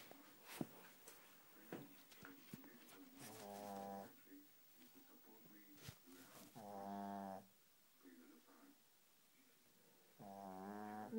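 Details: Shih Tzu dog snoring: three buzzing, rattly snores a few seconds apart, with clicks and rustling between.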